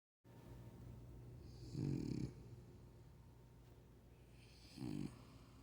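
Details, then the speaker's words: French Bulldog snoring while asleep, only warming up before louder snoring: low, buzzing snores, two rattling in-breaths about three seconds apart with soft breathing between. "never seen a dog snore, and he's just warming up. This ain't nothing."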